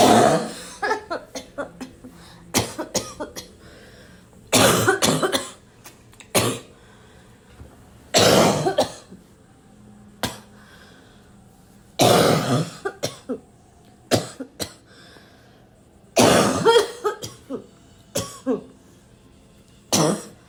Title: loud (barking) coughing fit